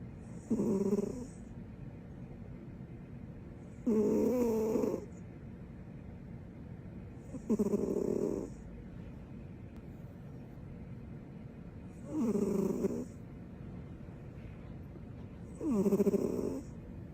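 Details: Female sleeping with her tongue out: five loud rattling snores about every 3.7 seconds, roughly 16 breaths a minute, with quiet pauses; steady snoring during sleep.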